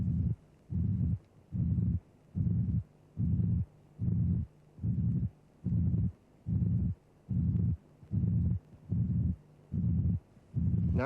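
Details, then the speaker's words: Simulated pansystolic murmur from a cardiac auscultation teaching programme, at about 73 a minute: a low-pitched, blowing, flat constant-amplitude systolic murmur synchronous with the pulse that obscures both heart sounds. "note that the murmur is systolic in time synchronous with the pulse notice that the sound envelope is flat the murmur has constant amplitude the murmur is pan systolic it is obscuring both heart sounds"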